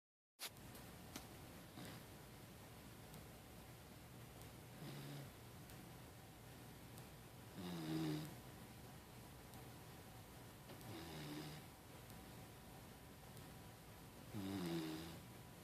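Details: Labrador puppy taking a mid-morning nap gives four soft rumbling snores, about one every three seconds, over quiet room noise.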